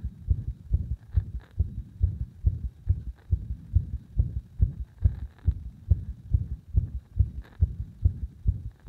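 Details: Low thumping heartbeats at about 140 a minute, mostly steady, with slight shifts in timing and strength; an arrhythmia was induced by gradually increasing compression on the heart.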